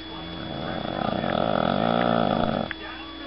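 A single rough, rattling breath noise swelling for about two seconds, with steady room hum behind it: snoring.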